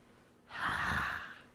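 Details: Adult man who stuttered as a child, with H as a trigger sound, demonstrating his childhood stutter; stuttering (sound prolongation on 'h').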